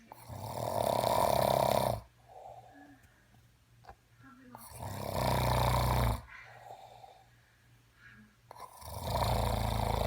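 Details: Man who claims he doesn't snore, asleep at night (bedtime 9–9:30pm); loud, rough rattling snores on each in-breath, quieter out-breaths, about 16 breaths a minute; snoring.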